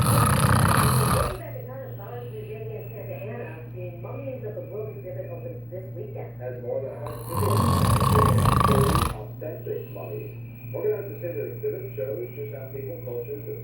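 Two loud, deep, rattling snores about six seconds apart, with a news broadcast playing in the background.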